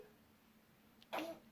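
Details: Infant boy's playful imitated (fake) sneeze: after a quiet stretch, one short, sharp, sneeze-like burst of breath, followed by laughter.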